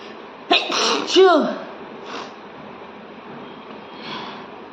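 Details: Sneeze deliberately induced by tickling the nose with paper: a single sneeze with a sharp burst and voiced trailing sound, room noise throughout.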